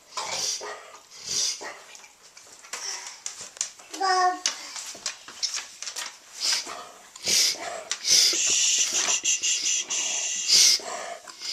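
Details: Dog's coughing: a series of irregular, harsh, breathy hacking coughs in a small room; recorded on a Flip Video camcorder.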